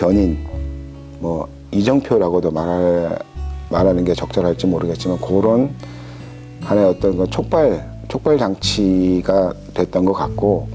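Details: Korean adult male police officer who has stuttered for 37 years, after coaching aimed at overcoming stuttering-related fear; clip contains a word repetition; stuttering.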